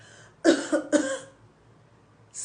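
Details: A short run of three harsh coughs in quick succession, then quiet, deliberately performed as a demonstration of the English word "cough."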